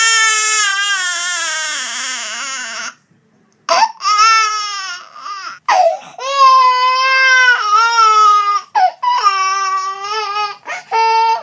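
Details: Loud, high-pitched infant crying in repeated wailing bursts with short gasping pauses; a baby crying sound-effect recording.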